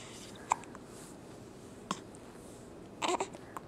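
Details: Infant with hiccups after finishing his bottle, belly visibly jumping: three brief, sharp hiccups over a few seconds in a quiet room, with faint baby vocal sounds; infant hiccups.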